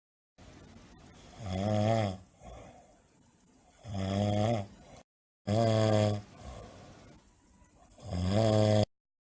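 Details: Heavy snoring: loud, rattling snores on each in-breath, four in about nine seconds, with softer out-breaths between.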